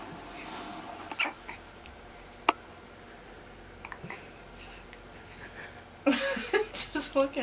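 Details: Baby girl sitting in a lap with hiccups, her body jerking with each one: brief, sharp, isolated catches in a quiet room, talking near the end; hiccups.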